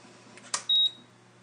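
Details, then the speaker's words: Newport HT70 Plus ventilator shut down with the rear toggle switch: a soft click, then a steady high-pitched electronic beep lasting about a fifth of a second as the shutdown alarm sounds. "And then it will alarm when it's shutting down, and just hit the silence, and that's it."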